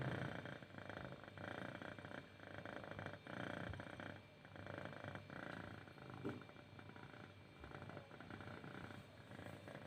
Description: in this video I want to show you how a cat snoring even she is not sleeping. the sound is loud and relaxing.